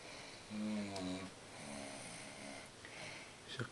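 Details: Heavy snoring by an adult man while asleep: a drawn-out, buzzing snore on the in-breath followed by a quieter second one, with faint room noise.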